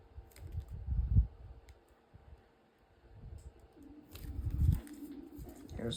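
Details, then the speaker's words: Low, gurgling rumbles with a brief coo-like tone come from a crafter's stomach after not stopping to eat. This is ordinary stomach growling (borborygmi). "one and if you can hear my stomach growling I'm very sorry it's what happens I get in my craft room and I don't even stop to eat"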